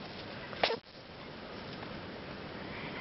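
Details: A wombat sneezing.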